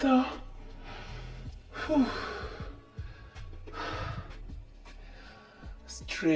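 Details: Sharp voiced gasps and breathy exhalations over background music from a woman during a whole-body stretching flow, around slowly placing her legs behind her neck and shoulders; titled as chiropractic adjustment for lumbodynia.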